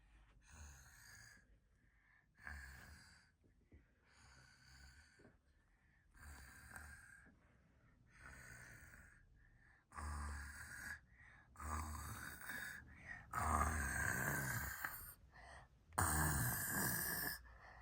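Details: Child doing a playful snore challenge: rough rattling snore sounds in repeated bursts, louder toward the end; deliberate fake snoring, not sleep.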